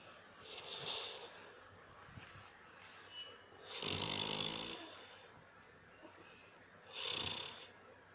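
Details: Snoring: hissing, whistling snores with one deeper rattling snore in a quiet room. Snoring.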